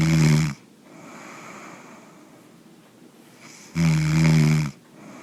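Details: Two loud, low, rattling snores about three seconds apart with quieter breathing between, from a sleeping man: typical snoring.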